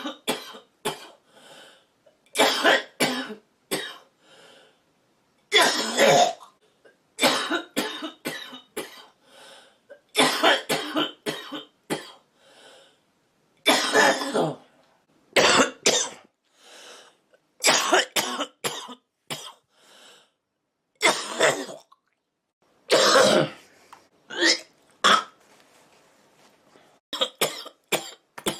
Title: woman smoking coughing